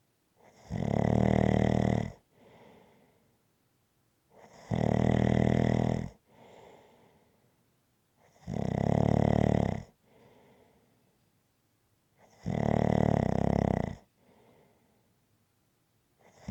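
Loud, regular rattling snores on each in-breath, with a soft breath out after each, about 15 a minute; rhythmic snoring.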